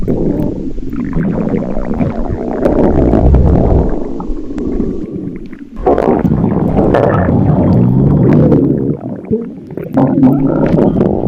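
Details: Loud, long, low rumbling and gurgling stomach growls from a hungry person's empty stomach; ordinary bowel sounds, borborygmi.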